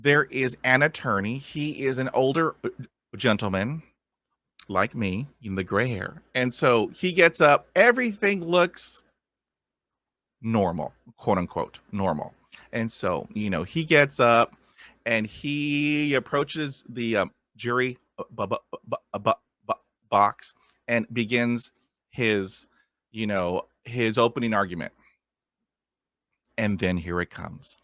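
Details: Adult male who stutters, with sound repetitions; stuttering.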